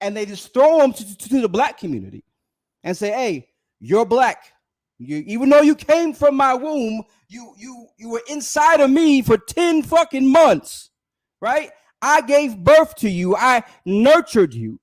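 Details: Adult male with a self-reported speech impediment, stuttering during an unedited live stream; stuttering.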